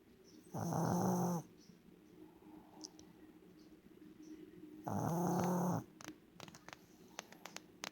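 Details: Sleeping dog snoring: two long, loud, rattling snores about four seconds apart, with faint clicks between.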